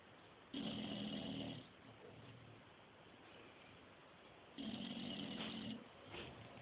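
Two rough, rasping snores about four seconds apart, plus a short snort, from a sleeping flat-faced dog; noisy snoring.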